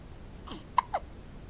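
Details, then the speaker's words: Baby boy with hiccups: a soft vocal sound followed by two quick, abrupt hiccup catches over low room noise. "No, you have hiccups."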